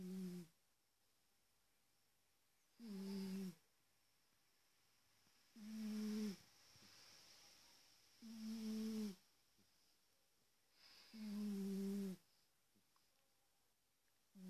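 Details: Snoring from a sleeping large cat, recorded on a smartphone: regular, steady, low-pitched humming snores on each breath, about 21 a minute.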